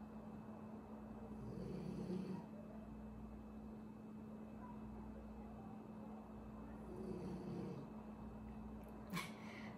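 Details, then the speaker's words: Sleeping French Bulldog snoring loudly, described as a medium snore level for the breed, which can snore even louder; snoring. "And they snore very loudly. This is like a medium snore level. They snore even louder than that."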